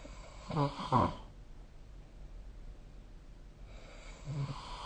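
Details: Snoring during sleep: low rattling snore on an in-breath, quiet exhaling, then another rough snore starting; snoring.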